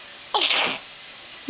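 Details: Imitated sneeze: one sharp, hissy sneeze-like burst from Mitu, an animal faking a sneeze while playing peek-a-boo, not a true sneeze.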